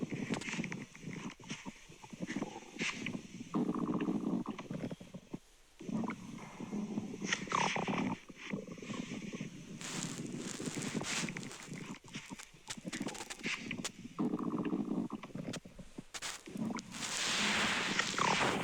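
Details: Real digestion stomach grumbling: irregular gurgling, squelching and low rumbling bursts through most of the recording; active bowel sounds (borborygmi).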